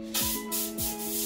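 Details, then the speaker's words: Dental air-water syringe demonstrated to a boy before a tooth filling: bursts of hissing spray over a steady whine, short puffs of air and water. "Some air, that's air. The other one is water. Okay. So don't get frightened when I do that."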